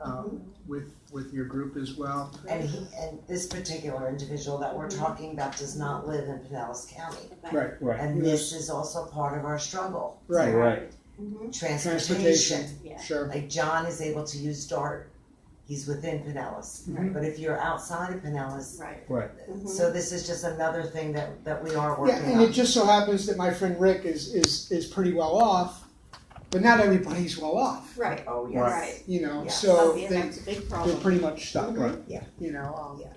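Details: Man with aphasia after a stroke nine years earlier, with complete right-sided weakness, speaking; post-stroke aphasia.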